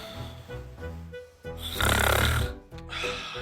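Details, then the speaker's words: Acted comedy skit, not real sleep: loud, rattling snore over background music as a girlfriend snores beside her partner at bedtime; simulated snoring. "wenn deine freundin neben der schnarcht gute nacht gute nacht"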